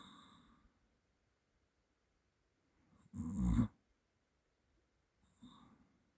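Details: Person's self-recorded snoring during sleep: a brief low rattling snore on one breath, with fainter breath noise before and after it in a quiet room.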